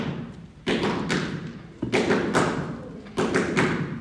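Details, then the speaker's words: Heart sounds of chronic heart failure: slow, dull heart sounds in groups of three, a gallop rhythm. "That's what you'll hear for somebody that has chronic heart failure. So this is what happens when a chronic failure has an acute exacerbation, sudden worsening of symptoms. That's what you're going to hear. It's called gallop. S3 gallop."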